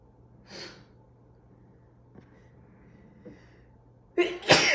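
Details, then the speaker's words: Strong morning allergy sneezes: a soft breathy burst early, then a loud explosive sneeze near the end, in a quiet room; sneezing. "Phew. Oh, these are. Oh, God, these are strong this morning."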